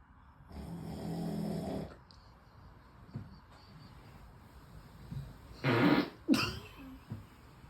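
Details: Sleeper snoring: one long rough snore, then quiet room noise and a few short louder bursts, one possibly a fart.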